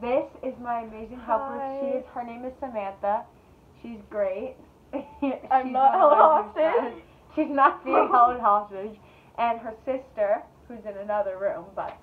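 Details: Teenage girl with Tourette syndrome who has vocal tics and says she suppresses them in class; vocal tics (Tourette syndrome).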